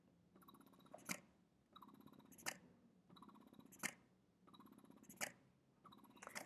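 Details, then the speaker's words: Quiet rhythmic mechanical whirring with a click at the end of each cycle, about 44 cycles a minute, from a Spectra electric breast pump running on battery. "we are going to turn the pump on you'll notice it's actually a pretty quiet pump"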